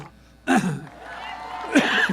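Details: Adult man campaigning against Newsom recall interrupts his speech with two abrupt throat-clearing coughs separated by voiced sound, then apologizes for coughing.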